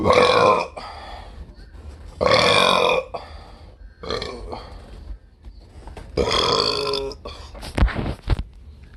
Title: the most disastrous 31 seconds of burping ever